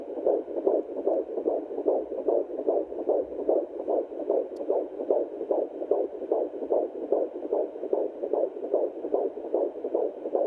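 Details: Baby boy's fetal heartbeat at 14 weeks of pregnancy, recorded at home with a handheld Angel Heart fetal Doppler: rapid, regular whooshing beat at about 150 a minute.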